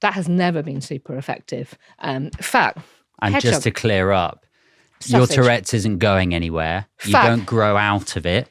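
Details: Adult male speaker; ordinary speech.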